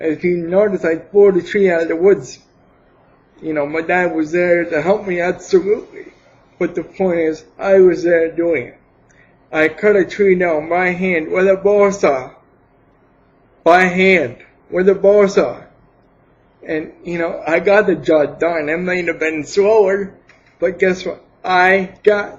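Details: Mild dysarthric speech in an adult man with cerebral palsy for 28 years, attributed to lack of oxygen at birth; he could not speak as a baby, later began talking, and now speaks without an assistive device.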